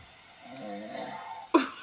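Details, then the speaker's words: Adult man's loud snoring during sleep, captured by a sleep-tracker phone app: a single buzzing, tonal inward snore about one second long, ending in his typical sharp, sucking catch of breath. "can tell because the breathing at the end, he does like this suction thing when he snores."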